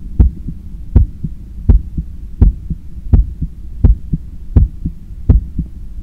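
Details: Heart sounds recorded by stethoscope after a 10 km run while lying on a daybed on the left side and trying to control breathing: regular, strong lub and softer dub at about 83 beats a minute. Normal heart sounds after exercise.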